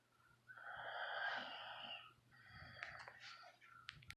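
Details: Adult man snoring during sleep: a long, high-pitched whistling snore followed by a second, raspier fluttering breath.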